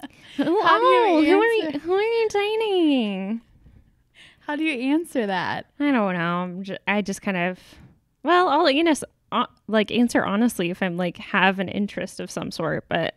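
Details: Adult woman speaking; no speech disorder.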